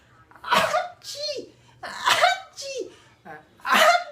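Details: Adult performing exaggerated mock sneezes to amuse a baby: three playful imitation sneezes, each followed by bursts of infant laughter.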